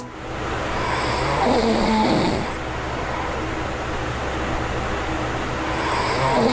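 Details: Man, a self-described habitual snorer since at least age 35, recorded asleep while trying a Pure Sleep anti-snoring mouthpiece; rough, rattling breaths over a steady room hum: snoring.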